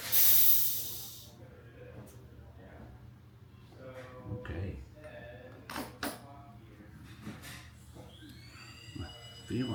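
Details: Test dental handpiece run on a dental rheostat unit under repair: a loud high-pitched whine that winds down, then quieter hissing and whistling with workshop clatter; dental handpiece running.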